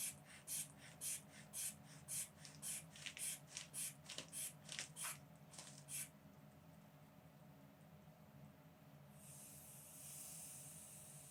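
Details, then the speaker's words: About a dozen rhythmic pump strokes over six seconds, a pause, then a steady hiss of release as a blood pressure cuff on the adult patient's arm inflates and deflates; reading 125/80, very slightly elevated. "Let's get your blood pressure. Okay, can you hold out your arm for me? Mm-hmm. Velcro is serious stuff. Okay, this is just going to squeeze a little bit."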